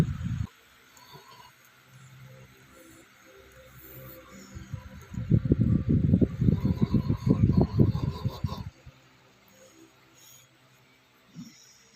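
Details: Loud snoring during sleep: low, rattling breathing swelling into a loud, fluttering snore, with quieter low snoring around it; snoring.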